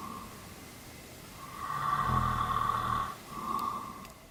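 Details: A sleeping adult snoring at night at a campsite during a road trip: one long, rough, rattling inward snore, then a shorter softer breath, over a steady background hum.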